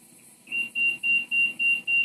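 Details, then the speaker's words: High-frequency oscillatory ventilator (HFOV) being set up for an infant, mean airway pressure dialled to 10: six repeated high-pitched pressure-alarm beeps over soft machine hum while alarm limits are being set. "pressure my colleague is setting those alarms so that we don't hear that during our setup"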